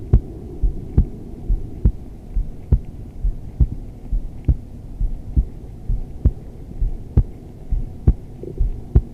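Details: Adult female's resting heartbeat recorded during restorative yoga, in wide-legged modified child's pose: steady, soft low thumps at about 68 beats a minute over a faint hum; normal heartbeat.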